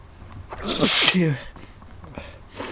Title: I have the sneezes!